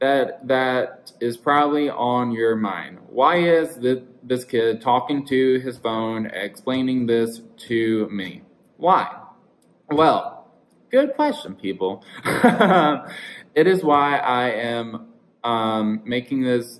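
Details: 22-year-old male with verbal apraxia, which he says worsens under stress or anxiety: apraxia of speech.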